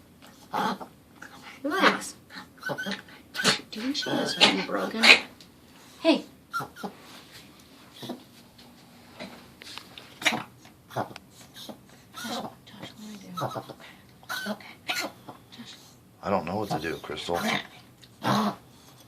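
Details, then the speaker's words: Yorkie that was sitting and eating, with owners suspecting but unsure it is reverse sneezing and saying she is not choking: repeated, irregular snorting, honking inward breaths. "that's got to be reverse snce I just don't I guess I don't understand what the hell it is"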